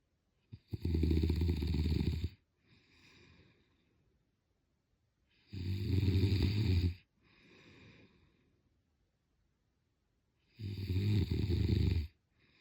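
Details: Sleeping person snoring: three loud, low, rattling snores on breathing in, each followed by a softer breath out, about 17 breaths a minute; snoring.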